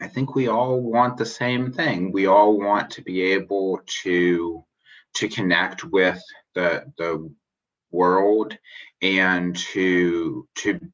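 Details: Adult man who describes himself as a person who stutters, speaking spontaneously in a live interview; finding: stuttering.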